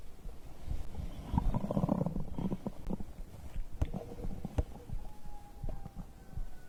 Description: I recorded the sounds of digestion after drinking a beverage.